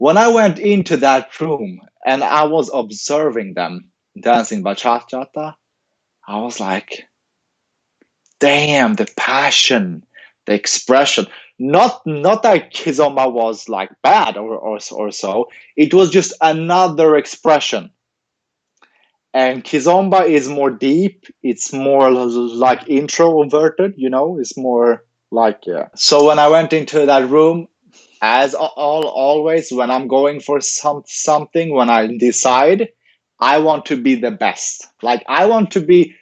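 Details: Adult male who stutters, has had speech and language pathologist therapy since age ten and later trained as a speech-language pathologist himself; real stuttering heard in interview speech; finding: stuttering.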